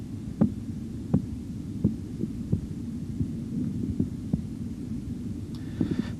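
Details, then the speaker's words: Soft rhythmic Korotkoff tapping at about 83 a minute, fading away during cuff deflation; the point where the taps vanish marks diastolic blood pressure, stated at 138 mmHg. "the point where the repetitive sounds finally disappear gives the diastolic blood pressure you should hear this at one hundred and thirty eight millimeters of mercury"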